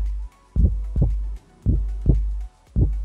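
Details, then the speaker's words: Loud low heartbeat in clear paired thumps, about 55 a minute, heard while testing a new Littmann Classic III stethoscope, which sounds louder than the same model used before. "That's loud. actually sounds louder than my other one, even though they're the same"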